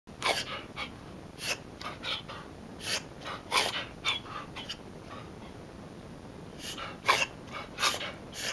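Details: A dog gives a run of short, harsh, breathy bursts with quiet gaps between them: repeated coughing.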